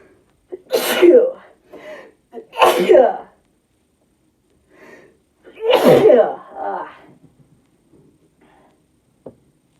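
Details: Woman's induced sneezing after taking a burning nasal-irritant drink; she wonders whether she has allergies. Three forceful sneezes, each with a sharp inward breath before it, then quiet breathing.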